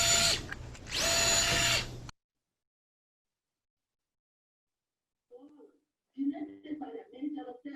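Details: Percutaneous foot surgery: two short high-pitched power-driver bursts, then silence and faint room sounds, as a 3.0 anti-rotation screw is driven into bone.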